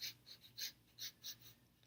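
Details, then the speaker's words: Person with Tourette syndrome demonstrating a sniffing tic with an accompanying noise, counted as a vocal tic; sniffing vocal tic. "I've got this one where I sniff and also make a noise sniffing is also counted as a vocal tick"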